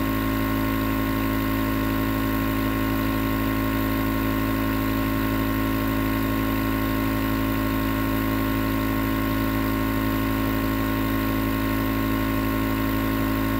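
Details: Nebulizer compressor recorded as 20 minutes of sleep white noise: steady, unbroken mechanical hum and hiss of the nebulizer running.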